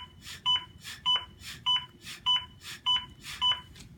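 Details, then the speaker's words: ZOLL AED Plus CPR metronome during a demonstration after a shock, with the device tracking CPR quality: regular electronic beeps at about 100 per minute alternating with soft rustling chest compression sounds. "I should be doing a compression and that metronome we'll see p on page 4 105 compressible minutes"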